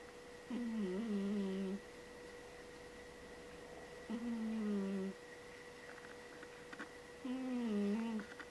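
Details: Pet cat snoozing: three soft, whistling, humming snores about five seconds apart over steady room hum; gentle harmless cat snoring.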